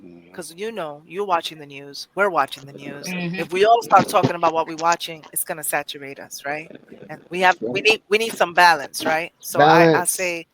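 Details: Adult man speaking; normal speech.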